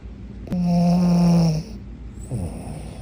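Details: Sleeping small dog, tagged pug and shih tzu, giving one long, buzzing, slightly whistling snore, then starting the next; snoring.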